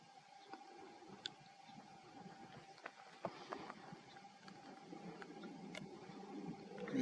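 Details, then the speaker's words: Low, irregular gurgling rumbles build toward the end over a steady electrical hum and faint clicks. It is stomach growling (borborygmi) from an adult who has not yet eaten breakfast. "That's my stomach growling. I haven't had breakfast yet."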